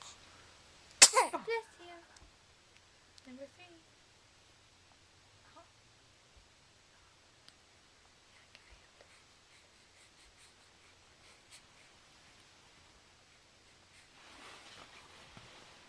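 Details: A person sneezing, recorded on a Flip Video camera shortly after her hiccups stopped; one sharp, high sneeze with a few small follow-on sounds, then quiet soft noises.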